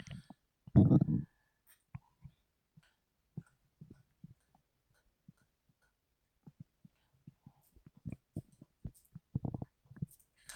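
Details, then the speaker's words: Woman's stomach grumbling while sleeping, recorded hours later in a quiet room; scattered soft gurgles and pops with one louder rumble: active bowel sounds, borborygmi. "Can you believe me now when I say my stomach grumbled too much?"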